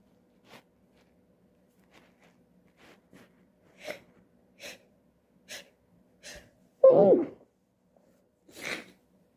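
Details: Person who can't stop sneezing: a run of about seven short, sharp sneezes in quick succession, one louder and fuller near the end; repeated sneezing.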